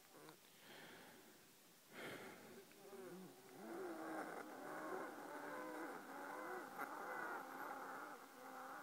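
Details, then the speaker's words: Own wheezing while lying down: noisy breathing with several wavering whistling tones layered over each other. "what you're about to hear is my wheezing this is my breathing when I lay down"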